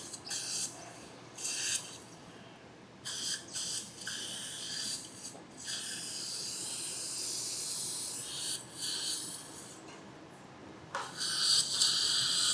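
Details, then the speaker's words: Surgical drill deepening a mini dental implant site (2.0 x 11 mm mini implants) in a woman's lower jaw, rescuing a failed conventional implant denture: intermittent high-pitched hissing drill bursts with pauses. "So, I'm going to back it up and I'm going to drill a little bit deeper on this one and put it back in cuz I want to bury it another millimeter or so. So, let's go ahead and drill a little bit deeper on that one."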